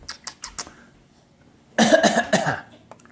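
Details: Toddler pretending to cough in imitation of her father: four quick, soft pretend coughs, then a louder, voiced cough-like run; a voluntary cough.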